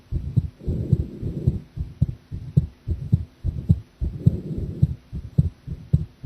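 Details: Heartbeat recorded during a live heart-sound stream while drinking coffee, about 105 beats a minute with a soft rushing background and slightly uneven loudness between beats; the person felt their heartbeat was unstable.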